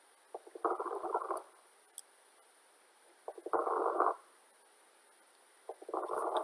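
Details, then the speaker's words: Lung auscultation teaching example of crackles (rales): brief popping clicks at the start of each breath, described as air passing over lung areas with liquid consolidation. "crackles or rails indicate that air is passing over an area in the lung fields where there is consolidation of liquid"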